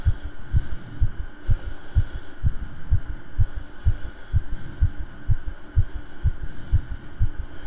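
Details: Regular low thumping heartbeat at roughly 125 a minute over a steady hum, picked up by a streamer's microphone, who notes it beating hard; fast but regular, normal heartbeat.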